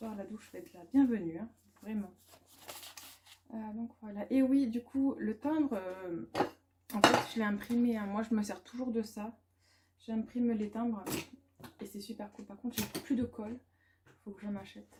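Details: Stuttering in an adult woman, which she says worsens with background noise and blocks her speech; she calls it a probably lasting brain dysfunction and invisible handicap and is considering a speech therapist assessment.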